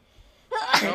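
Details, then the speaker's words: After a brief quiet intake, one sharp, explosive sneeze from a young woman who is ill that day and blowing her nose, tagged allergies and sinuses; an ordinary single sneeze. "Bless you, I can't believe you just sneezed and I was like right in front of you."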